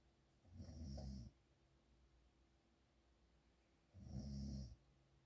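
Two loud, low rumbling snores about three seconds apart in a quiet room, with soft breathing between them.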